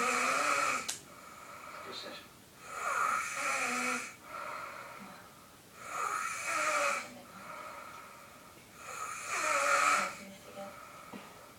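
Rhythmic snoring, about 20 breaths a minute, with a rough, slightly whistling sound on each breath in and quieter breaths out.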